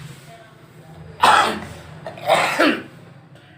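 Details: Two harsh cough bursts from an adult over a quiet room background during a therapy session for hernia and long-standing cough; chronic persistent cough.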